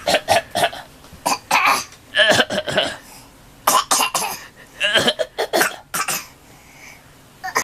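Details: Child coughing, possibly put on: repeated short, forceful coughs in quick clusters.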